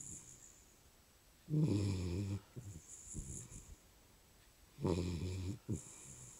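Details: A sleeping dog snores loudly: two strong, low rumbling inhaled snores with softer snuffling breaths between them; ordinary snoring.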